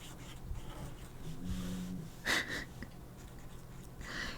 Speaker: Oh, my little dog is snoring now.